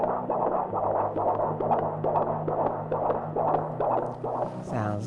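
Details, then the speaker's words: Fetal heartbeat on Doppler at a prenatal visit: rapid, regular whooshing pulses about 136 per minute over a low hum, within the 120–160 range. "the baby heart talking on the range between 120 and 160 and you want a strong steady beat"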